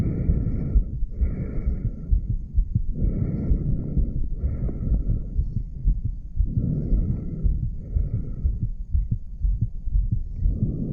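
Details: Heartbeat of a 34-year-old male heard by stethoscope at the aortic valve area: low thumping beats under rumbling noise.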